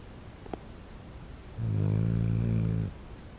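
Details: Dog resting, one loud, low, buzzing snore over a second long during a breath, faint click just before; snoring.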